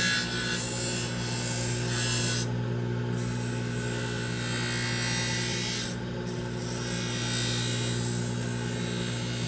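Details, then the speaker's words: Steady motor hum with continuous grinding as an aluminum oxide wheel on a dental lab lathe trims the acrylic of a wraparound retainer to a horseshoe shape, taking care to avoid the wire. "Got to be careful because if I hit a wire with this aluminum oxide wheel, it will chew through that wire like nobody's business."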